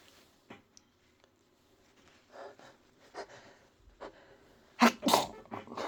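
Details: Person with a cold: quiet sniffs and breaths, then two loud, explosive sneezes close together: sneeze.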